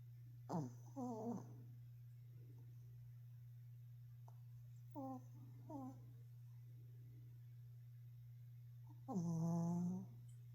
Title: A MINUTE OF MY DOG SNORING